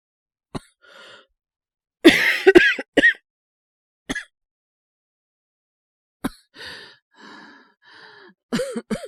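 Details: Acted cough from a cold by a male voice actor playing a feverish character (about 38°C) who is resting in bed; single coughs and short bursts with groaning sighs and breaths between them, simulated.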